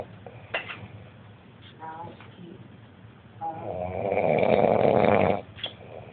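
One long, loud, rough snore on a drawn-in breath, with quieter breathing noise before and after. Typical snoring.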